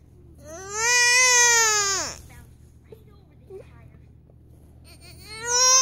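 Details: Infant upset by hiccups: two loud, high-pitched wails with a quiet pause and small hiccup-like catches between them; infant cry.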